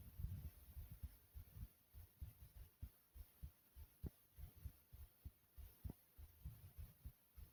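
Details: Thumping sound of a person's own normal heartbeat, recorded as steady thumps.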